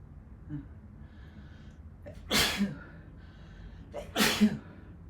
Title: Sneezing fit